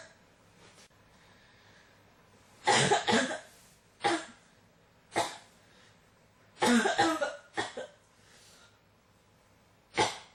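Repeated dry-sounding coughs, about eight bursts in ten seconds, some in quick pairs, against a quiet background.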